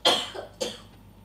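Two sharp cough bursts from an adult in the background, about half a second apart.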